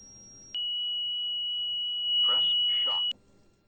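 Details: Steady high electronic tone from a ZOLL E Series cardiac monitor/defibrillator after ECG analysis with stand-clear prompts, the charge-ready signal before shock; defibrillator charge-ready tone.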